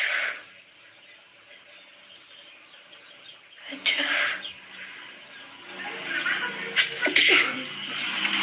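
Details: Soft build-up breaths, then a short sharp sneeze burst near the end, with faint background sounds, from a person with a cold who deliberately triggered the sneeze: sneeze.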